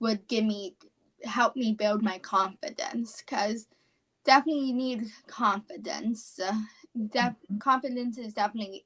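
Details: 17-year-old female high school senior with apraxia of speech, a neurological speech disorder; apraxia of speech.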